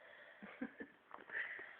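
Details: Snoring from a young boy sound asleep on the hardwood dining-room floor after napping in the car: a few short snorting bursts, then a longer rasping, noisy breath.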